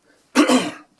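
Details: A single short, moist-sounding cough from an adult man who has used a CPAP machine for six or seven years, in a quiet room; cough.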